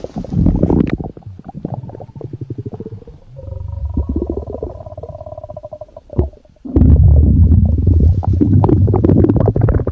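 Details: Loud, long, deep growling with rapid rattling pulses and a rising whine, then a heavy rumble; stomach growling (borborygmi).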